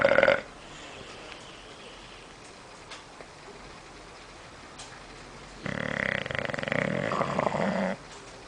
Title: Bulldog roncando Bulldog Snoring.mp4